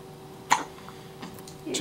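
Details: A newborn on his first morning, just after a feeding and with a hand escaped from the swaddle, has his first hiccups outside the womb: a single abrupt hiccup, then soft breathing and a faint vocal sound.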